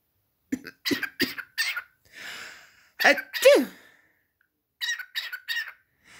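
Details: A parrot named Pikachu, mimicking sneezes and coughs since 6 months old, makes a run of short cough-like bursts, a hissing sneeze-like burst and squawks: an imitated cough and sneeze.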